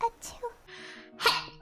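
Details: Woman sneezing: a quick intake of breath, then a light, high, explosive burst; a small, soft, cute sneeze.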